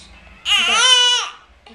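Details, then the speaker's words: Cranky baby girl crying although already fed: a single short, clear, strong wailing cry in a quiet room; infant crying. "what her crying baby's cry what are you crying about what you crying for you're all fed"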